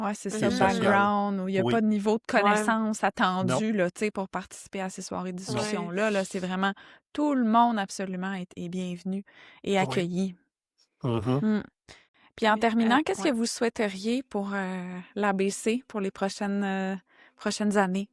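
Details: Adult woman speaking French; no speech disorder.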